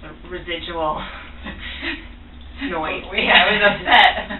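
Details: Infant's first cochlear implant activation: the level was started low and slowly raised, and the crying is his response, apparently to hearing sound for the first time.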